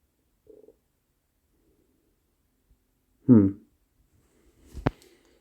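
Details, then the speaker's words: Possible stomach growling (borborygmi), uncertain even to the person: a sound during a recording that they are unsure was their stomach. "I don't know if that was my stomach growling I don't know"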